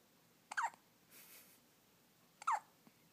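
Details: Newborn baby with hiccups: two short, abrupt squeaky catches of breath about two seconds apart in a quiet room; typical newborn hiccups.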